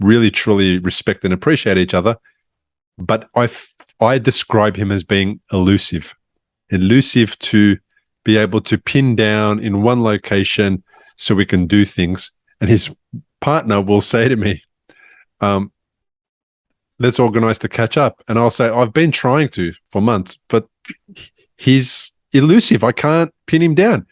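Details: Adult man speaking; normal speech.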